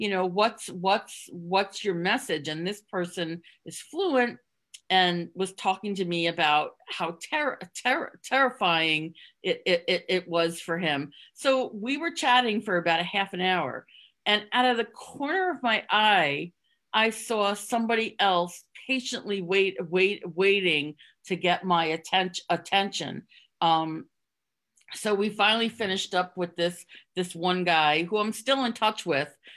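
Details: Stuttering in an adult woman who concealed it for close to 30 years (covert stuttering) and now stutters openly.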